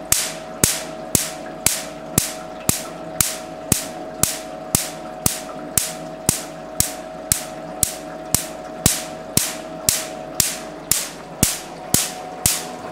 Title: Q Switch Nd YAG Laser For Tattoo Removal